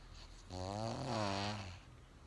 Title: No cold no stress but Magical, unethical, .. a snore as lion roar..!🤦🏻‍♂️🤣